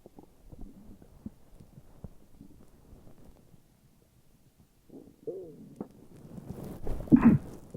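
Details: Morning stomach growls: quiet gurgles followed by a louder rising growl from the belly; normal stomach growling (borborygmi).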